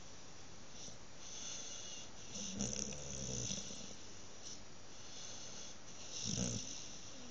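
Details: A dog snoring while asleep after being brushed: two low, rumbling snores several seconds apart over steady room hiss; ordinary harmless snoring.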